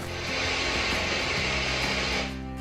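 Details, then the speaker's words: Simulation of tinnitus as ocean-like roaring: steady rushing hiss with low hum, one of several ways people perceive tinnitus. "some experience a high-pitched ringing sound something like this while others hear ocean sounds like this"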